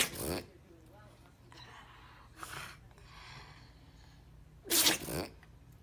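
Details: Brachycephalic pet sneezing: three forceful sneezes with a snorting breath drawn in between them, forcing air in just to sneeze it out again.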